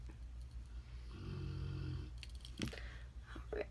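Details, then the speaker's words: A dog snoring in the background while lying in a makeup room, under a person's talking. Snoring. "I don't know if you can hear my dog snoring in the background, but he loves to lay in here in the makeup room while I get ready, so sorry"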